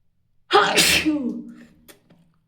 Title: Sneezing explosive 🥰